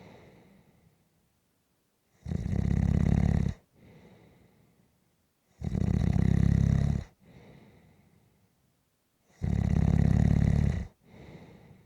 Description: This is a 6 minute clip of snoring.